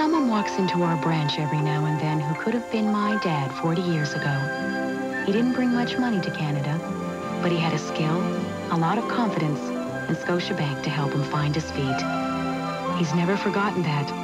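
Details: Adult speaker; normal speech.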